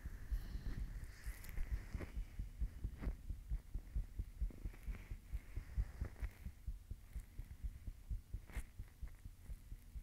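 Fast, steady low thumps of a heartbeat at about 130 a minute over a faint hum; no clear extra sounds.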